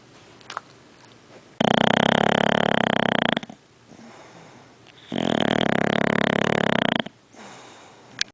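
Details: Two long, loud, rattling buzzes on the breath in, separated by quiet breathing out; heavy snoring.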